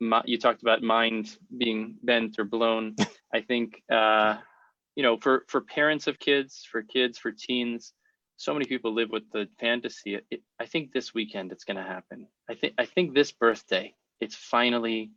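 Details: Adult man who stutters, speaking in a podcast interview; stuttering described as having both audible and hidden features; stuttering.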